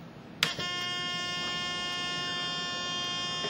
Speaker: and of course when you power back on you should hear that alarm sound for one to 5 Seconds to let you know that the backup alarm sound is currently functioning